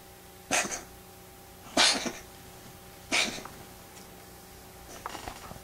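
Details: Female cat with an unusual sneezing on waking from a nap that looks like choking: three sharp, hissing sneezes in about three seconds, then softer snuffling; a bout of sneezing.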